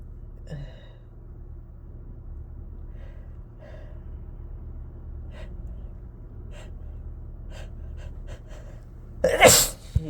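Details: An adult sits in a car with a quiet low hum and faint catches of breath, then gives one loud, harsh, explosive induced sneeze near the end.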